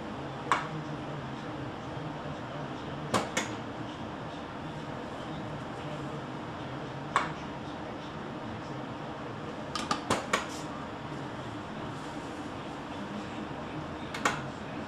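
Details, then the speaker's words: Steady machine hum with scattered sharp valve clicks as a Servo-i ventilator runs its automatic pre-use check, with test tubing connected between the inspiratory and expiratory outlets, before the battery check; ventilator pre-use self-test. "machine asks us to unplug the power cord for the battery check and to reinsert to finish the check"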